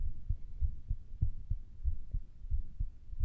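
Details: Person listening to their own heart with a stethoscope, which sounded weird to them and raised a question of a murmur: muffled low heart thumps at about 100 beats a minute with rustle; no murmur can be confirmed.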